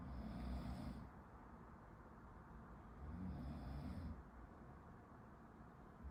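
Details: Person sleeping behind someone studying: two low, rumbling snores a few seconds apart behind steady room hum; ordinary snoring during sleep.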